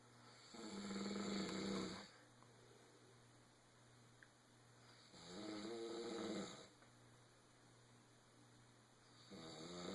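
Tonal, humming snores on each breath in, about every four seconds, with a steady hum in the room behind them.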